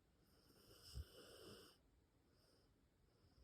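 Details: A single brief, low rumbling snore with a faint whistle, then quiet, from a sleeping Rottweiler puppy; snoring.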